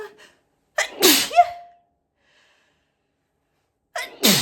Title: loud high pitched apchhee sneezes